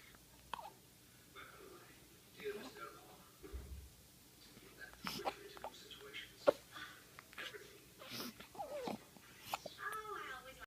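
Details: A person with the hiccups; hiccups.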